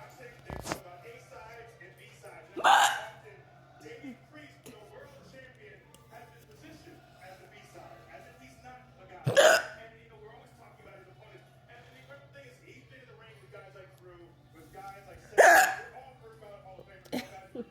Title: Hiccup Queen 💪👑 #hiccups #hiccup #hiccuphaddock #burpqueen